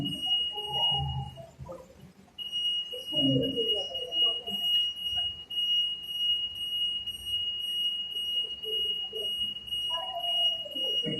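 Continuous high-pitched electronic alarm tone over background music and voices; portable ventilator alarm.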